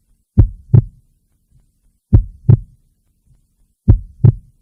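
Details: Normal heartbeat from an hour-long relaxing heartbeat recording: slow, steady paired lub-dub sounds at about 34 beats a minute, with clean, quiet gaps between beats.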